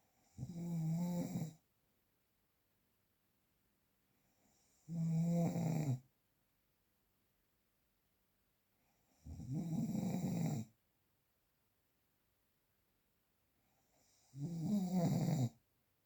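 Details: A real, unprocessed recording of four loud, rattling snores on each in-breath, roughly 13 a minute, separated by quiet pauses; typical snoring.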